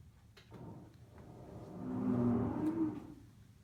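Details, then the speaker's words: Simulated rhonchi on a SAMII simulator: low-pitched, deep, groaning sonorous wheeze heard only on expiration, unlike the high-pitched musical wheeze of asthma. "all right this one is our whee and remember this is our snores weeze that's like that deeper one that deep pitch not that high pitch musical note that you'd hear like in an asthma patient"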